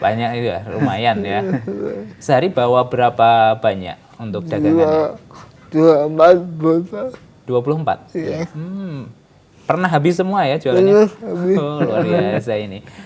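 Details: Adult men in conversation, mainly an interviewer; ordinary conversational speech.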